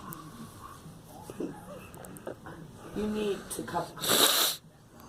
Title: I am coughing